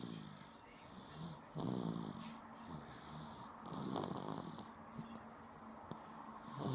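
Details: Woman snoring while asleep: soft, irregular snorting snores with a low rattle, partly masked by room noise; light snoring.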